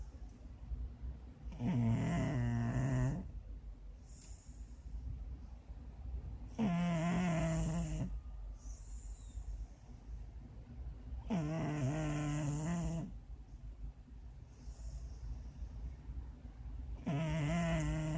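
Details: Sleeping Shar-Pei dog: loud rattling snores about every five seconds, roughly 12 a minute, with quiet breaths between; snoring.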